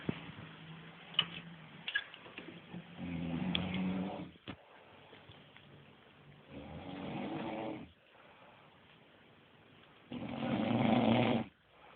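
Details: Adult woman, a toddler's mother, asleep and snoring heavily: loud, rough, rattling snores on three breaths, each lasting one to two seconds, separated by quiet pauses.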